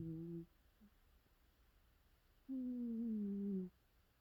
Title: cat sleeping snoring sounds 😴